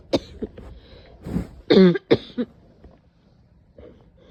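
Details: A few short throaty bursts build to two loud, harsh, voiced, painful-sounding coughs with a hoarse barking quality, then quiet room noise: barking cough.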